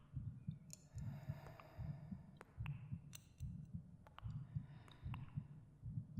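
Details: Soft spoken ASMR meditation with binaural cave sound effects over the speaker's own heartbeat: soft regular paired thumps about 74 per minute, faint clicks and echoey room sounds; normal heartbeat.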